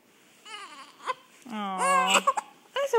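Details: An infant with hiccups waiting for lunch, near feeding time: a brief fussy whimpering cry with short sharp catches between cries, consistent with hiccups.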